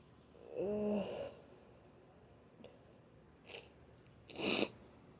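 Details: Cough with wet, cloggy sniffles, groaning, stifled sneezes and nose blowing.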